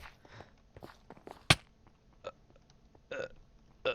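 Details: Adult hiccupping during a casual murder mystery recording: several abrupt, sharp gulping bursts, the loudest near the middle, over faint room noise.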